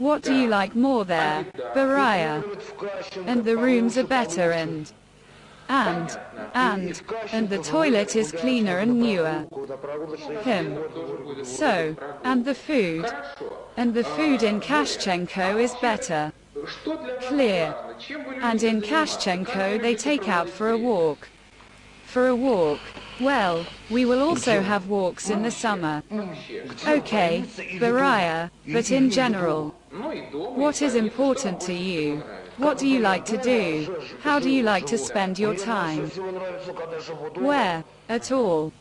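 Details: Adult interviewer in conversation with a patient; normal speech.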